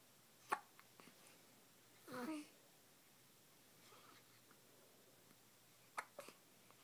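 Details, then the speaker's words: Two-week-old infant with hiccups: sudden short, sharp catches of breath repeating several seconds apart against quiet room noise. "Somebody has the hiccups again."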